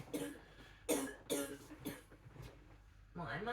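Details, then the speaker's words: Four or five quick voiced coughs, then a brief vocal sound, from a female autistic vlogger with 22q11.2 deletion syndrome during an orthostatic crash. Coughing may indicate an autonomic seizure. Foot dystonia is present, heart rate 46–69, oxygen saturation 96–97%. "coughing? Can also be shown as an indication with autonomic seizures, coughing, yawning, Tourette's activity."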